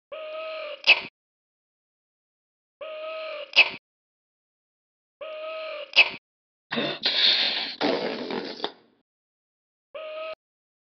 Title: Sneezing baby hippo